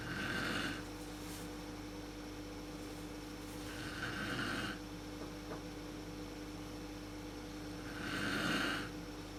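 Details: Adult woman (mother) snoring in a dark room, worst at sleep onset, recorded on a PowerShot SX130 IS camera: loud rattling inspiratory snores about 15 a minute with quiet pauses and room hum.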